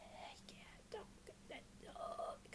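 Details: Woman's acted imitation of losing her voice during a yearly respiratory illness, with hoarseness and stuck mucus, usually lasting about a week; near-aphonia with forced whisper.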